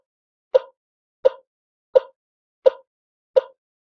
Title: Infant ekg Heart Monitor - Sound Effect | Free Download HD